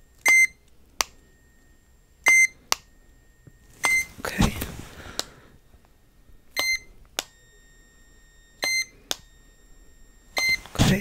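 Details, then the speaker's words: Acted ASMR ear-exam roleplay hearing test: short high-pitched beeps in pairs played in either ear, patient asked if they sound the same on both sides, brief rustling between. "I'm gonna play a series of Beeps in either ear okay I want you to tell me is that they sound the same on both sides okay"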